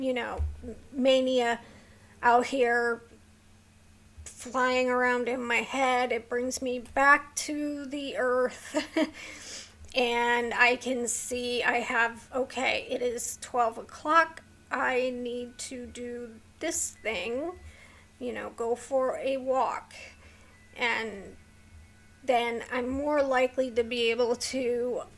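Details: Vocal tremor in a woman with a neurological condition causing tremor of the hands, voice and head plus mild tardive dyskinesia; she strains to talk, which makes her throat sore.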